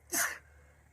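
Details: A girl with a really bad cold in a sneezing attack: a single sharp, explosive sneeze with a brief inhaled catch before it.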